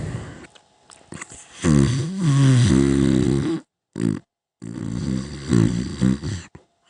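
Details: Loud, rough, throaty snoring rumbles that swell in strength before breaking off, with brief pauses between; rising snoring.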